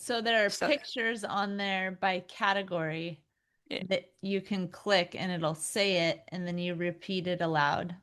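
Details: Adult female speaker, possibly two speakers; normal speech.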